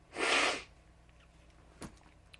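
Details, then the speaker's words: One loud, explosive sneeze about half a second long, then a faint sniff, from a person with severe hay fever; sneeze. "what's up guys right excuse me if I sneeze excuse me if I sniff my hay fever is just mental right now"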